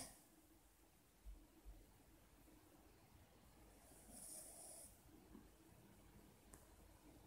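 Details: Sleeping Cavalier King Charles Spaniel dog snoring: soft, low snores with faint rumbles and one hissing exhale against quiet room noise.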